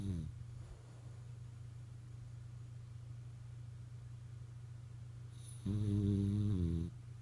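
A steady low rumble with a louder, buzzy snore near the end; snoring during sleep.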